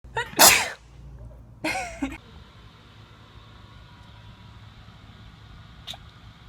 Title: The best compilation cats are sneezing 2016 #1